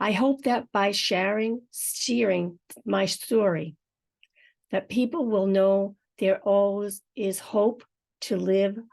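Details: Adult woman with aphasia and apraxia of speech that began after a stroke; unedited recording of her real speech, with some words possibly hard to understand; aphasia with apraxia of speech.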